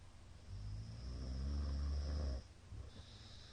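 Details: Middle-aged man asleep: one loud, rumbling, low-pitched inspiratory snore followed by quieter breathing; heavy snoring, tagged with sleep apnea.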